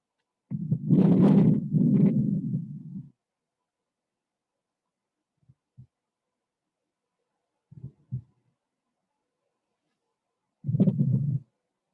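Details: Low gurgling and rumbling bursts at irregular intervals from the ALEX patient simulator, played through a speaker rather than a stethoscope; simulated normal bowel sounds.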